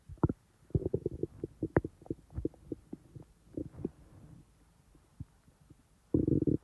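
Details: Real stomach sounds, not recorded in real time: irregular low gurgles and bubbling rumbles with quiet gaps and a final longer rumble; normal active bowel sounds.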